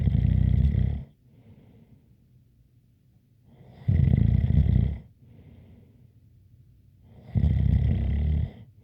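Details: ASMR snoring recording: loud, rattling inhaled snores about every 3.5 seconds, roughly 17 breaths a minute, with a faint light whistle and quiet exhalations between them.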